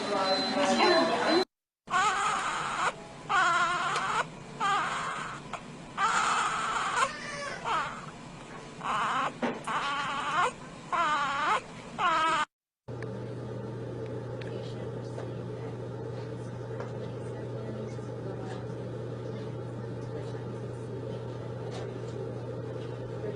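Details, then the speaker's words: Baby's cry played during a teaching session on urgent and emergency care; repeated rising and falling cry bursts, then steady room hum once the crying stops. "al escuchan el video chicos el llanto del bebé Sí lo pueden escuchar se escucha por un momentos"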